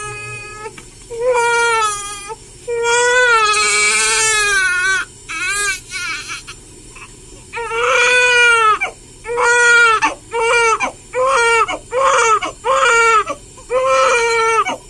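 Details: Repeated strong, clear cries in short bursts with breaths between them from a real 13-hour-old newborn girl during her first hospital sponge bath given by a nurse; an ordinary healthy newborn cry.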